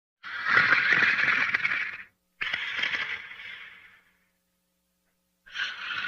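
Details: Sleeping animal (Diesel) snoring: two long, harsh, fluttering breath sounds and the start of a third, separated by quiet pauses; snoring.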